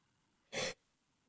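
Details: Person with a cold: a single short, sharp hissing burst of air through the nose; sneezing.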